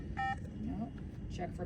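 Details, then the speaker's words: High-flow oxygen unit training: short tonal alert beep over quiet room talk, the device signalling a blocked circuit, as happens when the nasal cannula is too large for the nostrils or the prongs get bent. "blockages now it's blocked so when you put a canula on a person say you put a a large on someone with smaller NS you will get possibly a blocked because it's they're too big"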